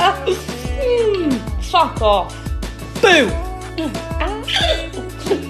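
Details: Woman with Tourette syndrome producing vocal tics, including swearing, while she has hiccups; Tourette syndrome vocal tics.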